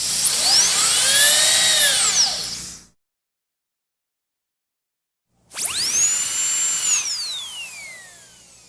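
High-pitched whining drill that rises and falls in pitch, stops, then spins up again: a dental drill sound effect.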